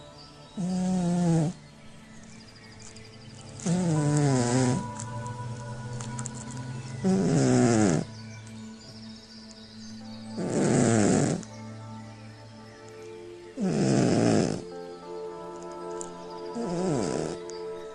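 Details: Cat snoring in deep sleep: regular, slightly tonal bursts about 18 times a minute, over soft background music.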